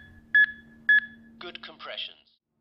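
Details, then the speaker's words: HeartSine Samaritan 500P public-access AED with CPR Advisor, after a shock is delivered: two clear electronic beeps at about 110 per minute and a voice prompt to begin CPR; defibrillator metronome pacing chest compressions. "begin CPR it is safe to touch the patient continue CPR until further instruction or until the emergency services arrive"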